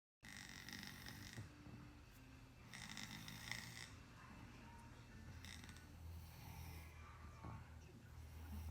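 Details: Child with low muscle tone and mild sleep apnea snoring softly during a nap because of sleeping position, seemingly dreaming at the end.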